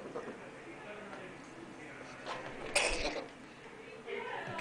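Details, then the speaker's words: Cat with an abnormal breathing pattern giving a single short, harsh cough burst over quiet room noise; the combination is very suggestive of feline asthma. "so you see a cat with the same sort of breeding pattern that also coughs so that's very suggestive of feline asthma"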